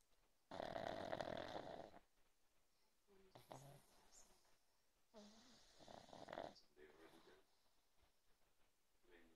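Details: Pug snoring during sleep: loud rattling snores, each followed by quieter snorting breaths, about three in ten seconds; noisy breathing through a narrowed upper airway.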